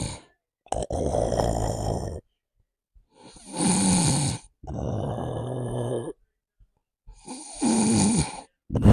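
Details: Man in a couple who says he doesn't snore: loud, deep, rattling snores on each breath, about four in nine seconds, with silent pauses between; heavy snoring.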